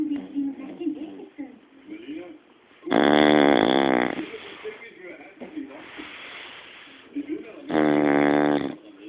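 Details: Dog snoring heavily in sleep, reportedly with eyes open: two loud, buzzing, drawn-out snores with quieter rough breathing and low rumbling between them; snoring.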